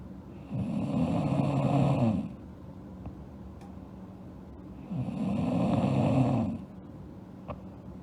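Two long, rough, rattling snores on breathing in, about four seconds apart, with quiet pauses between them: snoring.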